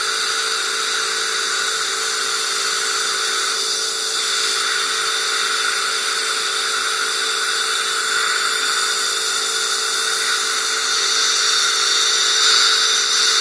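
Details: Dental laser crown lengthening procedure: steady high-pitched hiss and whine of the laser running continuously during gum treatment.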